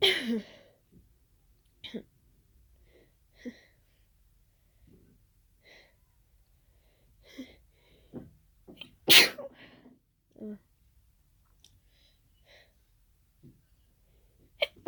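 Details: Adult's unexplained sneezing fit after an hour of nasal irritation, cause unknown (allergy medication taken), congested toward the end: quiet sneezes then one loud forceful burst, with sniffs and breaths between.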